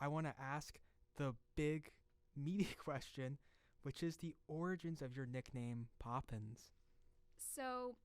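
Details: Adult male speaker; typical speech.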